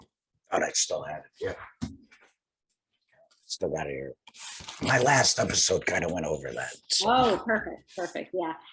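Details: Tracheoesophageal speech from a male laryngectomee speaking through a TEP voice prosthesis after laryngectomy.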